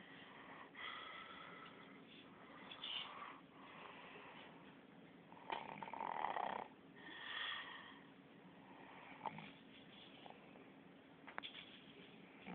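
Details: Sleeping cat snoring: quiet, rhythmic, purring snores roughly every two seconds, with faint room hiss behind.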